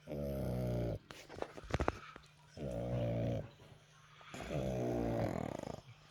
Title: snoring pugs